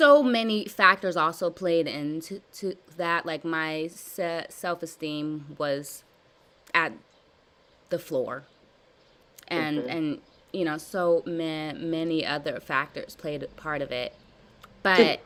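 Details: Adult woman with stuttering since childhood, describing severe blocks, in a live therapy session practicing voluntary stuttering and cancellations; she repeats and revises words; stuttering.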